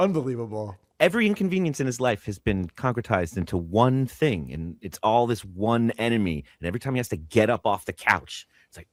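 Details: Adult male speaker; normal fluent speech.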